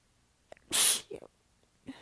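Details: Single loud, hissing sneeze with soft breathy sounds before and after. Part of a massive sneezing fit; the person is exhausted with sore abs and partly biting the sneezes back. The fit was recorded across several clips in changing positions.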